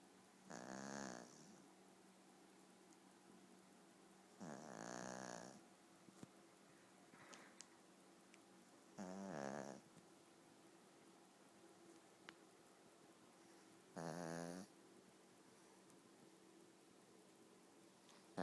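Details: Snoring while sleeping with eyes open: four rattling, buzzing snores about every four to five seconds, around 14 a minute, with quiet between.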